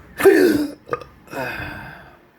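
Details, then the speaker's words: Two deep, rough belches with a brief throaty catch, in a patient with persistent intractable hiccups since December 2015, breathing and choking spasms and an erratic stomach sphincter; the burps are said to mean the sphincter is open. "through the burps we don't like the burbs because although embarrassing Oh borderline rude they are telling me that the sphincter muscle hey in my stomach is open"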